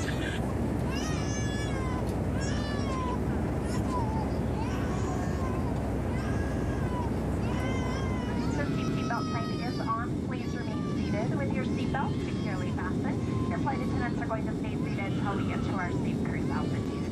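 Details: A baby cries in repeated wailing bursts throughout a passenger flight, over a steady low roar of aircraft cabin noise; infant crying.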